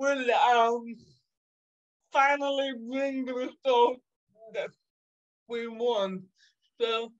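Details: 27-year-old woman with cerebral palsy caused by severe neonatal jaundice, which she says makes her sometimes speak and move differently. Dysarthria (cerebral palsy)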